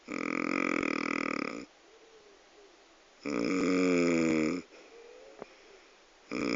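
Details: Loud, drawn-out rattling snores, each over a second long, separated by quiet breaths out; heavy snoring described as the loudest ever.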